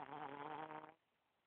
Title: Still snoring